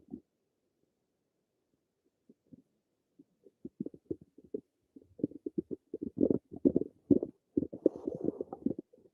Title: Some more of my stomach noises